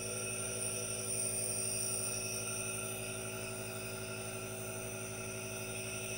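Steady mechanical hum with a continuous hiss of a running nebulizer, no voice, constant throughout.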